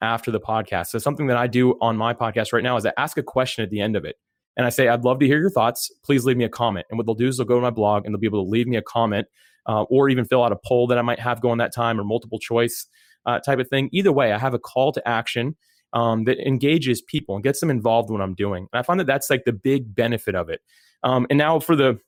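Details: Adult male speaker; normal speech.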